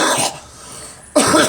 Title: Girl coughing